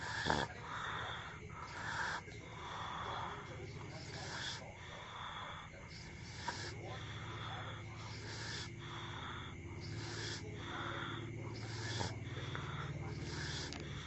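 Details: Dog: steady rhythmic snuffling breaths with a whistling, wheezy edge, roughly every two seconds, over room hum; snoring.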